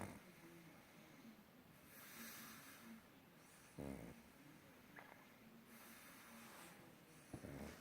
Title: Pug snoring